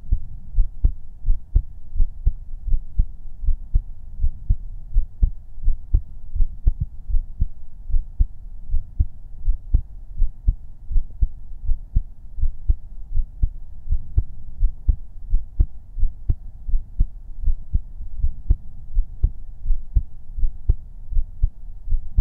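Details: Heartbeat-only ASMR recording made with a 3Dio binaural microphone: steady low thumping heartbeat, about 80 beats a minute, over a soft hum; an ordinary regular heartbeat.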